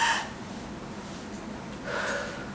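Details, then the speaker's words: In-ear wearable recording of a person asked to breathe: brief airy inhalation sounds followed by a voluntary breath-hold (apnea), with heartbeats also audible. "Donc là, ça c'est une inspiration, ça c'est de l'apnée."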